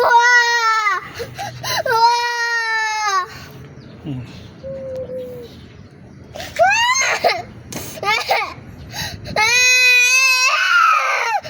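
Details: Young child crying after running ahead without waiting for daddy and getting a booboo: loud wailing bursts with quieter sobbing and an adult's soft voice between; ordinary crying after a minor hurt.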